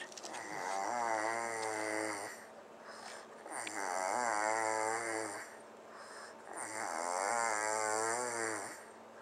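Three long, loud, vibrating snores on the in-breath, about 19 a minute, each followed by a quieter out-breath; typical heavy snoring.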